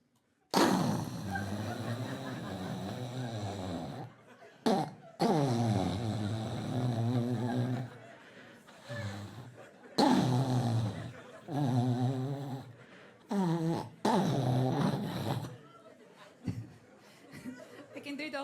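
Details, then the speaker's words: Middle-aged man with recent-onset snoring after about 20 kg weight gain: loud, rough, rattling irregular snores with gasping breaths between, about 13 a minute, unpredictable. "it's really bad it's it's not so much the sound that he makes it's more like the unpredictability like you don't know where it's going right and it always starts very very innocent"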